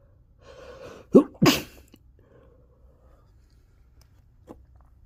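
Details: Deliberately induced sneezing after pepper exposure, which burned: a brief inward breath, then two explosive sneezes in quick succession in a quiet room.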